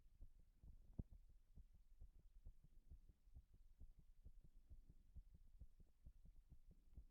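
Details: Heart sounds after 6 minutes of wall-standing pressure: faint, rapid thumps with uneven spacing over a low hum; irregular heartbeat, arrhythmia.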